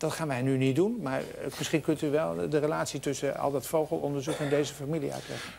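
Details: Adult male speaker; Normal fluent speech.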